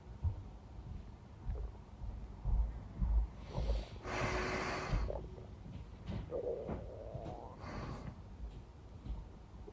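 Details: Close-up recording of continuous stomach growling: low rumbling gurgles with squelching bursts and a brief rising gurgle, active bowel sounds (borborygmi).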